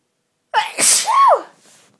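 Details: Quick voiced intake, then one forceful, hissing sneeze that trails off, at Christmas.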